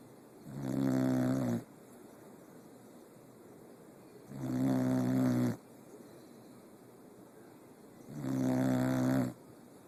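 Three regular, buzzing snores with quiet pauses between, about 16 breaths a minute: steady snoring during sleep.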